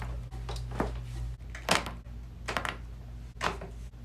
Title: 【QUICK】back cracks compilation (part1)